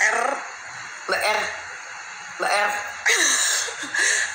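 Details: Woman unable to pronounce the Indonesian R ('cadel'), saying her tongue does not rise to make the sound, while repeatedly attempting R; rhotacism.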